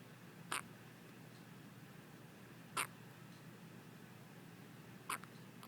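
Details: Newborn girl with hiccups, three short sharp squeaky hics evenly spaced about 26 a minute in a quiet room; eyes wide open.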